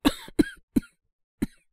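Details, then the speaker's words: Acted cough by a male voice actor playing a young man coughing since yesterday, no sore throat, runny nose or fever, likely a throat cold: four short dry coughs, the last after a pause. "なんか昨日から咳が止まんなくて。喉が痛いとか、鼻水が出るとかそういうのはないんですけど、"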